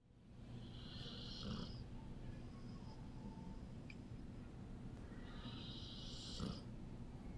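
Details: Dog snoring during a massage: two rough, hissing snore breaths, each ending in a soft snort, over a steady low background rumble.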